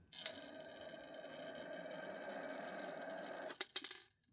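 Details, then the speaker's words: Adult demonstrating an incentive spirometer, breathing in really fast after a slow inhalation; about four seconds of steady rushing, rattling airflow through the plastic device, ending in two clicks. "It's creeping up. It's just barely creeping up, because I wasn't breathing in very fast. Whereas I breathe in really fast,"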